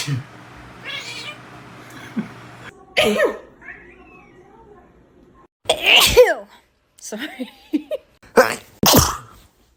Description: Cat reacting to Sneezes 😍